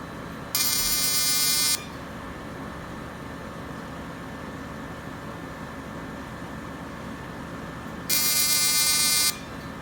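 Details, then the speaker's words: Fractionated CO2 laser (Total FX/Deep FX handpiece, first ablative pass) firing on a woman's lower eyelids and under the brow: two high-pitched buzzing bursts about a second long over steady air-cooling hum; pinpoint bleeding is expected. "It's normal on this treatment to get a little bit of pinpoint bleeding because this is considered an ablative laser treatment. It's fractionated CO2, so it is breaking the surface of the skin on a very microscopic level."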